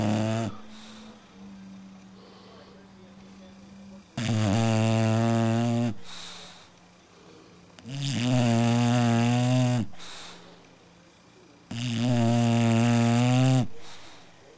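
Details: Female puppy napping in the early evening: loud, droning snores about every 4 seconds, roughly 15 a minute, with quiet gaps between; ordinary snoring in a sleeping dog.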